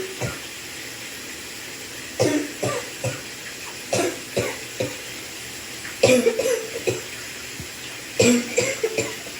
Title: In the shower you guessed it…coughing